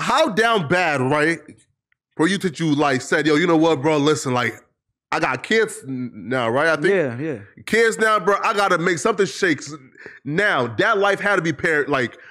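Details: Man who says he stutters and can control it at times but finds it harder in long conversations or when nervous, with repetitions in this stretch; stuttering.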